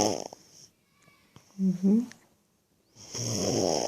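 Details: Baby: brief low snorting breath sounds between quiet pauses, with room noise at start and end; infant snoring.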